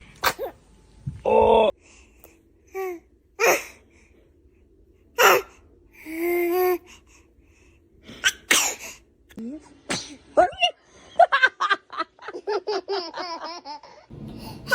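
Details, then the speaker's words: Infant: small sneezes, each a sharp burst after a quick catch of breath, with soft baby vocal sounds between; sneezing. "Baby is a dramatic sneezer check."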